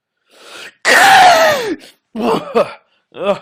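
A quiet breathy inhale, then a loud, long, squealing sneeze with a falling high-pitched voiced tone, followed by short breathy recovery sounds. An unusual-sounding sneeze.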